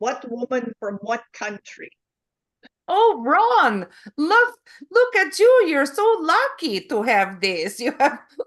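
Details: Adult woman with foreign accent syndrome since 2010: foreign accent syndrome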